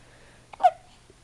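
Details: A single sharp, abrupt voiced gulp against quiet room noise from a young child who says they get hiccups every day when staying up late; a hiccup.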